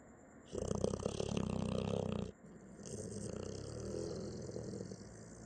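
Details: Dog snoring: a rough, fluttering rattle on one breath, then a softer vibrating breath.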